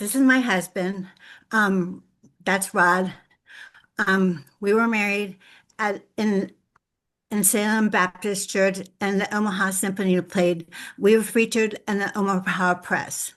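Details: Adult woman with lifelong aphasia after a severe stroke in 2012, with difficulty putting words together; aphasia.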